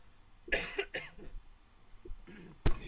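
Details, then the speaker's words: A few soft, muffled adult coughs in a quiet room, turned down low via a mute button, then a brief sharp knock; cough. "we can hear you can hear me when I cough yeah the turn it down it's the turn it down really low button"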